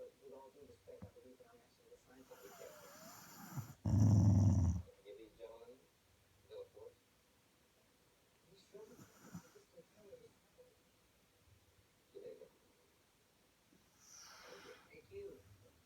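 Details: Sleeping Rottweiler dog snoring and growling in its sleep, with low, rumbling snoring breaths, one louder snort and quieter breaths between.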